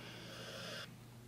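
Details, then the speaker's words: A single loud, airy snoring breath, cut short, from a sleeping female dog lying right next to the recorder, over a faint steady room hum. "I'm really sorry if you can hear areas because she is snoring really loud right next to me"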